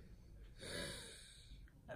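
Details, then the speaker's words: Female in an asthma attack, with infection gone down to the bronchi, unable to breathe before hospital: a single loud, rough, effortful gasping, snorting breath between quieter noisy breathing; laboured breathing. "Regardez comment elle est. Elle n'arrive plus à respirer, écoutez."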